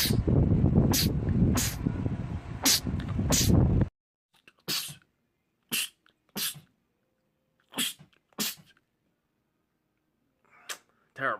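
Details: Male sneezer, part of a compilation of rapid sneezing attacks: about ten short, forceful sneezes in rapid succession, the first few over loud background noise and the rest in quiet, a sneezing fit.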